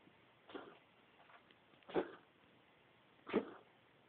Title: Ginger coughing Raputtak